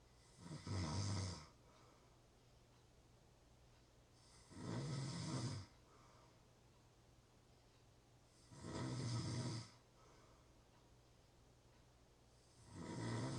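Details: Real snoring: slow, steady rough rattling inhalations about every four seconds, roughly 15 breaths a minute.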